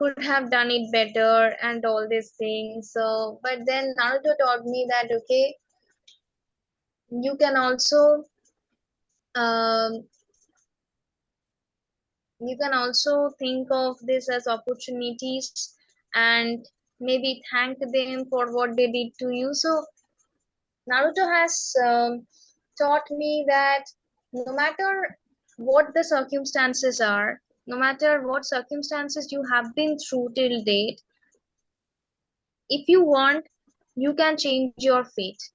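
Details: Woman who has stammered since age six, speaking in a real interview; stammering.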